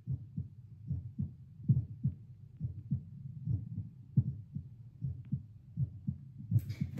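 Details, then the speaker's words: Own heartbeat played to a speaker through a Littmann CORE stethoscope while seated at baseline after about two cups of coffee, steady regular paired thumps, pulse oximeter about 78 bpm: normal resting heartbeat. "Okay, so I'm hanging around 78. Fluctuates a little bit, but you know, as you do, hanging around 78."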